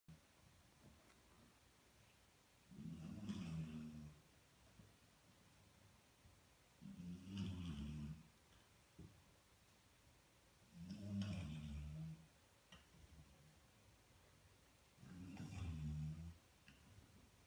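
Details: Loud, low rattling snores on each inhalation, about 15 breaths a minute, evenly spaced in a quiet room; loud snoring.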